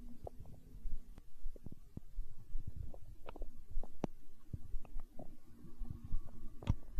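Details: Hunger stomach growl recorded for ASMR: low gurgling rumbles with scattered pops and squeaks from the belly; ordinary borborygmi.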